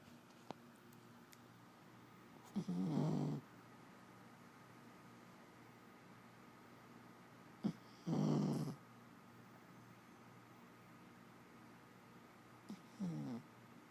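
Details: Sleeping Jack Russell terrier: soft, rattling snores on each breath about every five seconds over a quiet room hum: snoring.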